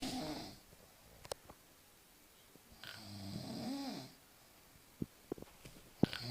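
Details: Snoring likened to a volcanic eruption: two rough, fluttering breath sounds about three seconds apart, with small clicks between.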